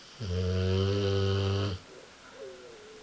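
One loud, drawn-out, rumbling snore during a breath in, followed by quiet. This is heavy snoring in a sleeping dog.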